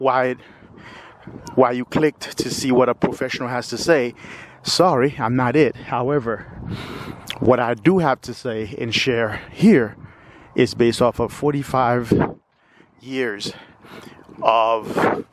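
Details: 45-year-old man with lifelong stuttering, with word repetitions; stuttering.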